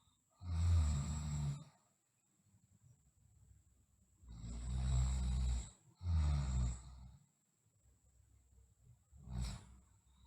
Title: Sleeping Girl Snoring